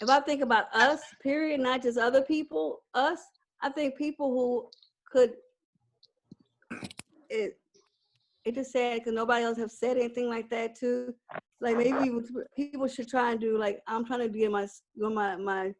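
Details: Woman with aphasia after a stroke, talking about having a baby around age 40, speaking in paraphasic, broken sentences; aphasia.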